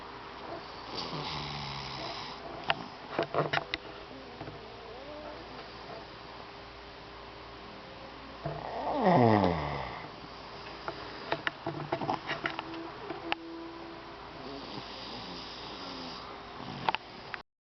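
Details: Grandmother and grandson snoring: a loud rattling snore stands out amid quieter breathing sounds and clicks in a small room.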